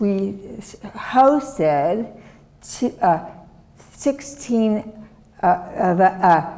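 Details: Adult woman, former professor, with non-fluent aphasia from a severe stroke in 2010 that left her right side disabled and took her speech; she relearned making sounds and still cannot speak as before; non-fluent aphasia.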